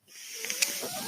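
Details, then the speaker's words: Real recording: the speaker's own mechanical ventilator heard as he talks, a steady rising airy hiss with a few soft mechanical clicks as it delivers air. Mechanical ventilator noise. "hello everyone my name is brendan mark that noise you're here is my ventilator"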